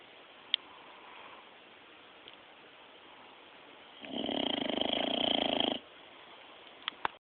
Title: dog snoring.3GP